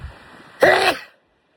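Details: A single abrupt, forceful sneeze with a sharp voiced onset after quiet breathing.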